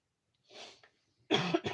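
A soft breathy exhale, then two sharp, loud cough bursts in quick succession from an adult; a plain cough.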